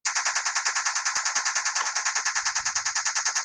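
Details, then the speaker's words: Rapid, regular sharp clicking pulses, about 200 a minute, from a TMS therapy magnet placed next to a woman's head; sounds like an MRI machine, and she shows no discomfort. "And this magnet is kind of like an MRI magnet. I just put it there, and then we turn it on. You might be able to hear it. So it makes a sound kind of like an MRI machine."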